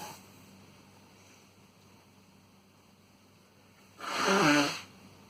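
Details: Adult man's sneeze induced with chhinkni and tissue: one loud, abrupt voiced sneeze under a second, with a possible nosebleed afterwards questioned.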